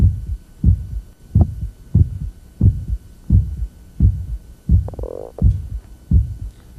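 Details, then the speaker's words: Young man with aortic valve stenosis, auscultated at apex: regular heartbeat about 87/min, first sound seems doubled by an early aortic ejection sound; one brief gurgling tone midway. "so in this fellow we found evidence of aortic valve stenosis moved to the apex to find the ejection sound"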